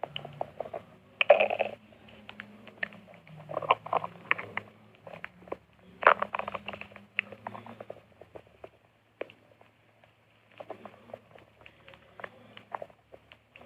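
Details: Low, irregular gurgling and rumbling with soft squelches and pauses from a girl's stomach: stomach growling, ordinary gut sounds.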